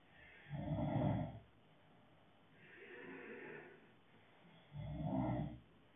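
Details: Snoring: two loud, low rumbling snores on inspiration with a softer airy exhalation between.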